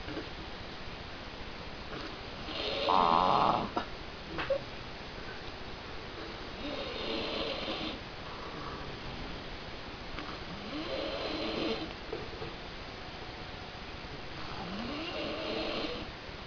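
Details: Person with flu, asleep: loud, rough snores about every four seconds, some with a croaking, frog-like quality; heavy snoring.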